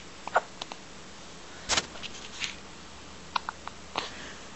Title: Hiccups!